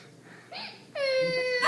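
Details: Unusual loud hiccups from a daughter's friend: a brief breathy sound, then a sustained, high, tonal wail that resembles an infant cry or a sick animal.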